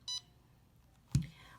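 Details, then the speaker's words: CADD Prizm infusion pump powering up for home TPN infusion, demonstrated by a nurse: a short electronic beep, then a soft thump, as the setup process completes with a power-up successful message. "once the pump is finished going through its setup process it gave us a little message that said power up successful"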